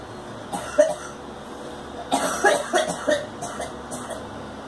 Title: Girl coughing